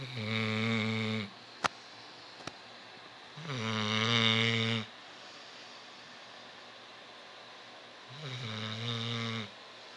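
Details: Black and tan Labrador dog snoring in sleep: three loud, buzzing, tonal snores on breathing in, roughly every four seconds, with quiet gaps between.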